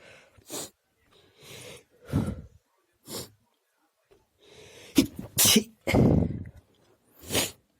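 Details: Quiet sneezing: a run of short, soft, stifled sneezes, each a sharp burst of air, several in quick succession.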